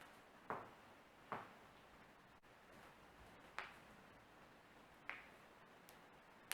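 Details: Self-performed morning joint cracking of the neck and finger knuckles: four sharp, isolated pops about a second apart in a quiet room.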